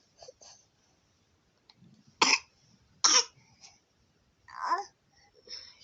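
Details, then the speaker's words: 9-month-old baby girl with a cold, runny nose and night-time fevers, feeding poorly: two short, sharp, dry coughs among soft fussing sounds, a dry cough. "she has she has a a cough and some runny nose so this that's what contributing to her having these fevers at night"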